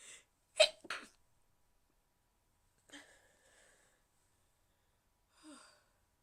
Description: This is my attempt at trying to be quiet while sneezing.